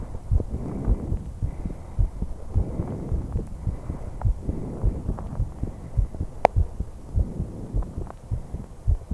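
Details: Steady low heartbeat thumps, about 100 a minute, under soft rising and falling breath sounds, recorded from a 21-year-old woman: normal heart sounds with breath sounds.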